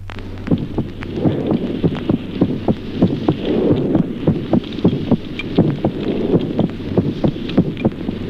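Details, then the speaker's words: Fast paired heart sounds in a child: normal heart sounds with simultaneous respiratory sinus arrhythmia, teaching auscultation example. "Ejemplo segundo, signoscultatorios normales en el niño. Arritmia respiratoria"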